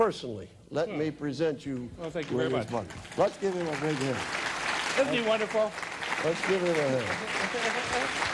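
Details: Adult male; typical speech.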